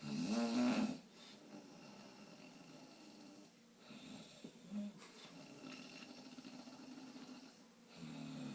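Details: Person snoring: a loud, rattling inhaled snore, then several seconds of quiet breathing before the next snore, faint room noise; snoring.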